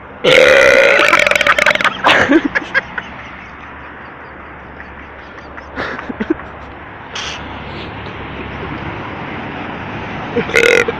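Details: Midnight burping: a long, loud belch, then a shorter burp and a few small ones against steady background noise.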